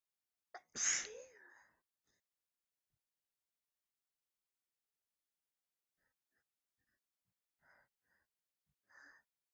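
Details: Sneeze tease: a quick catching inhale followed by one loud sneeze, then faint breathy build-up sounds that don't turn into another sneeze.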